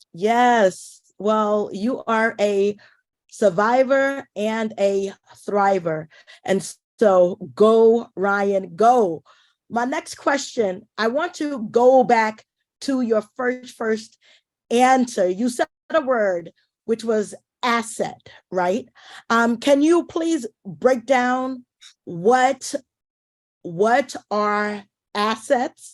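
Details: Adult woman who identifies as a stutterer, speaking as event host; word repetitions audible; stuttering.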